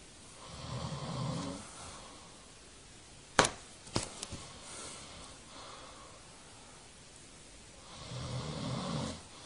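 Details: Adult man snoring: two low, rumbling inspiratory snores separated by a long pause with sharp flyswatter slaps; ordinary snoring.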